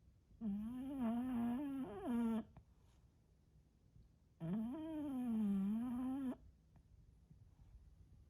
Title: BULLDOG SNORES….what it is really like. VOLUME UP!!!!!!!!!